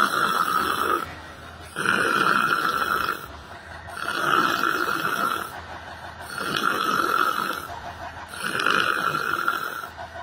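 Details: A person sitting on a library bench, apparently asleep during yoga meditation: loud, harsh, rattling snores, one on each breath in, about five in ten seconds with quieter pauses between; ordinary snoring.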